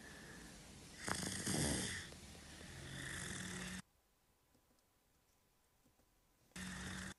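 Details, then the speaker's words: Noisy breathing from secretions clogging a home-care patient's tracheostomy, needing suction removal; retained tracheal secretions. "esse é o barulho da secreção tá entupindo a traqueostomia E aí precisa vir alguém retirar essa secreção"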